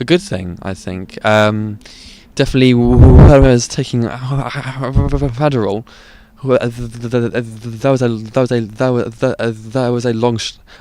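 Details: Adult who stutters, currently stuttering 'out of control' deliberately without fluency techniques for about a month; struggles began about five months ago, partly after starting ADHD medication; stuttering.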